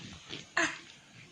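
A single short, sharp cough from a young child, with faint room noise around it.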